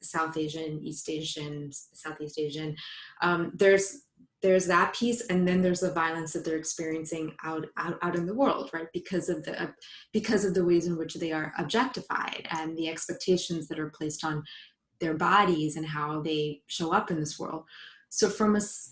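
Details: Adult woman, a psychologist who identifies as a person who stutters, speaking spontaneously in a live panel; stuttering.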